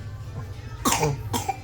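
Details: Cough from a 23-month-old child who currently has a cough and cold (batuk pilek) and is taking medicine.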